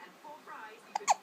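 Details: Faint background voice, then two short, abrupt voiced gulps close together: hiccups.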